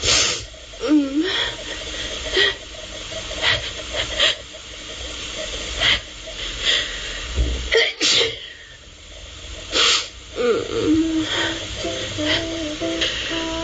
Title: Sneezing all over again